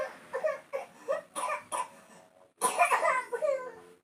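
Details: A child with a severe, persistent cough that has not gone away: a run of five short, harsh coughs, a pause, then a strained, whimpering cough and cry.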